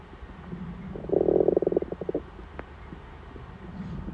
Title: my hungry tummy rumbling before dinner